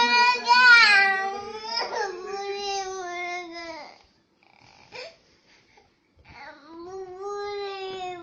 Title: Cute baby cry